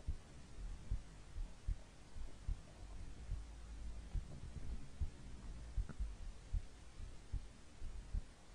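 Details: A hungry stomach growling: low rumbling gurgles and soft irregular thumps from the belly; normal bowel sounds (borborygmi).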